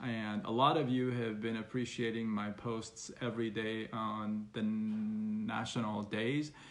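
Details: Stuttering in an adult man who has stuttered since about age six and still stutters, though less after speech therapy.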